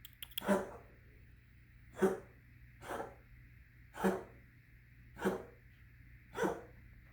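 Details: Cat with a cough for a week, about twice a day in fits, loud and painful-sounding: six short, harsh coughs in about seven seconds.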